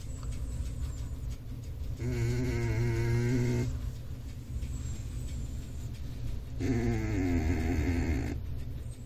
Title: Big cat snoring